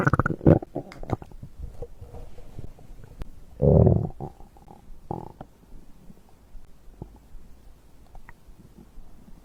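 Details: Bowel sounds of digestion recorded after drinking a beverage: low gurgling and rumbling with a longer growl in the middle; ordinary stomach growl.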